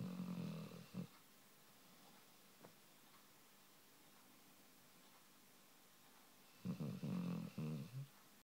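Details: Dog named in title, asleep: low rumbling snore sounds at the start and end with quiet room noise between; ordinary dog snoring.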